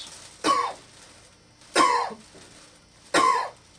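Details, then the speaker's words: Three short, sharp voluntary coughs from an adult patient lying on a bed during abdominal examination, a manoeuvre to bring out a ventral or umbilical hernia. "sometimes these uh cough Maneuvers and lifting of the head can bring out a vental or umbilical hernia"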